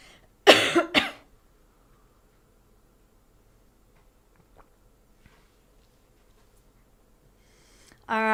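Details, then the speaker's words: Speech-language pathologist recovering from a scratchy throat coughs during an online Parkinson's speech exercise session: two short, harsh coughs in quick succession, then quiet before a sustained voiced exercise sound. "I'm still recovering from a little bit of a scratchy throat so I'm really trying hard not to start coughing during this session"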